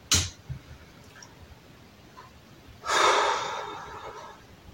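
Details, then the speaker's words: Young daughter, hoarse with no fever and a blocked nose, gives a brief snort then a long, noisy rushing sniff in a quiet room; nasal congestion. "Je ne sais pas si vous avez entendu, mais ma fille est enrouée. Elle a pas de fièvre, mais je suppose, de toute façon, elle a le nez bouché, voilà."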